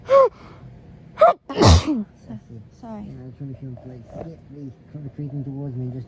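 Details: Sneezing fit while being teased by boyfriend: two quick gasping sneezes, then a louder third sneeze, followed by laughter and talk.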